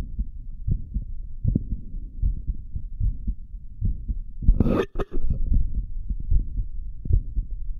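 Low thumping heartbeats at about 75 a minute, somewhat uneven, with a brief rustle midway. Heartbeat after caffeine.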